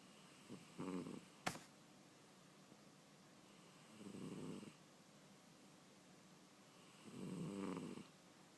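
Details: Cat snoring: soft, low rattling snores, three breaths about three seconds apart, with one brief click between, in a quiet room.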